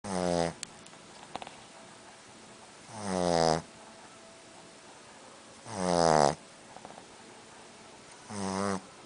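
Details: Boston Terrier snoring: four loud, rattling snores from a small flat-faced dog, roughly every three seconds, with quiet pauses between.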